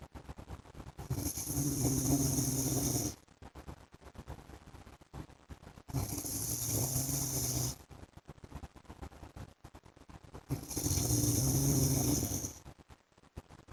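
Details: Husband's steady snoring while asleep: three long, loud, rattling snores on breathing in, about 4–5 seconds apart, roughly 13 breaths a minute, with quieter breathing between.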